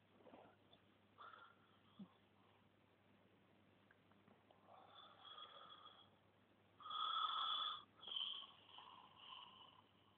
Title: snoring 1